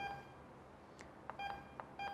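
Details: IV infusion pump demonstration: several short, high electronic keypad beeps as the menu is navigated to set drip mode, over quiet room noise.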